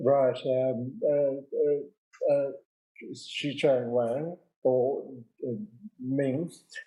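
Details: 65-year-old man with aphasia after a big stroke 10 years earlier, speaking slowly one or two words at a time, unable to write or spell; non-fluent aphasia.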